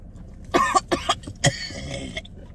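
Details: Several harsh, wet coughing bursts, acted while faking coughing up blood as a prank, not a real illness; acted cough.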